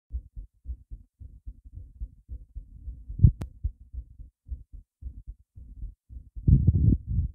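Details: Heart racing after being surprised a lot: fast, regular low thumps with a louder burst near the end; rapid heartbeat, tachycardia.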